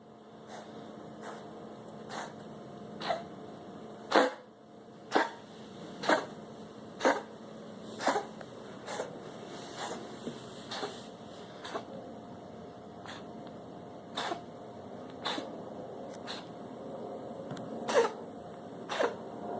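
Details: Cough in a cat, possibly named Tippie, with the owner asking whether it is a cough: a run of short, sharp coughs, about one per second, against quiet room noise.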